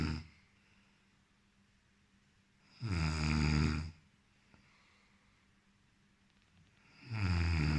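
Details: Loud, low, rattling snores on each in-breath about every four seconds (roughly 14 breaths a minute) with quiet pauses between; ordinary heavy snoring in a man.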